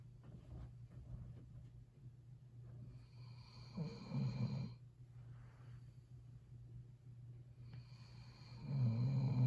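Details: Catahoula dog snoring: low rumbling snore on each breath with snorting bursts, in a quiet room.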